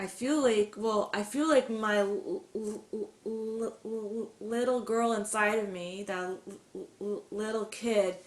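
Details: Adult woman who stutters openly and describes stuttering as part of who she is; stuttering.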